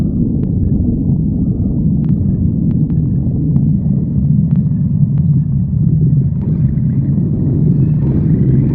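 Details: Continuous loud, low stomach rumbling with scattered faint clicks; stomach growling (borborygmi).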